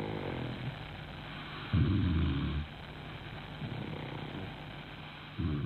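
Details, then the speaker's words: Woman (a snorer for whom CD and sleep mask did not help) sleeping, recorded overnight by microphone: loud, unmistakable snoring. "sie schnarcht unüberhörbar"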